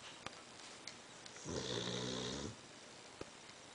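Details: Someone snoring: a single rumbling, buzzing snore lasting about a second, with quiet room noise and a few faint clicks around it; snoring.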